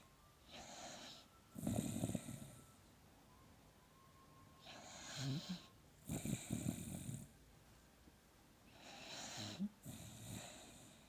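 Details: Halo passed out asleep in bed, seemingly having a good dream, snoring.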